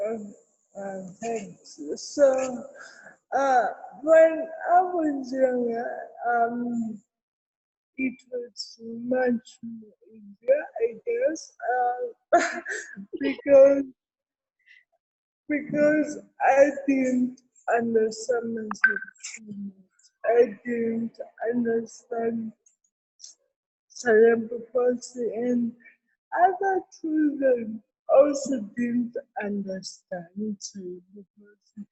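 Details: Adult woman with cerebral palsy present since birth, speaking in an interview; dysarthria (cerebral palsy).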